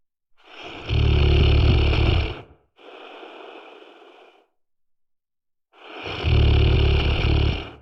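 Loud, low rattling snore on inhalation followed by a softer breathy exhale, then another loud snore; typical snoring.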